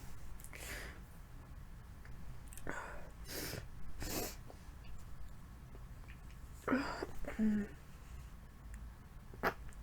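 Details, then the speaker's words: With a cold felt mostly in the throat: several short, breathy coughs, some in quick pairs, over quiet room noise; repeated coughing with a cold. "sorry sorry for all the coughing um this um whatever cold is really in my throat"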